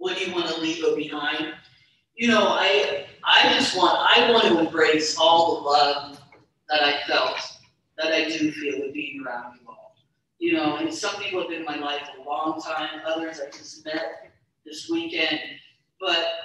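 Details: Adult woman who describes herself as a person who stutters: stuttering.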